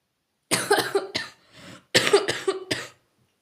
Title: I wish I could do something so that my cough can go away